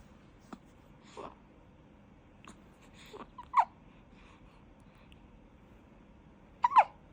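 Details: Several short, sharp catching sounds spaced a few seconds apart in a quiet room: hiccups in a one-month-old newborn baby.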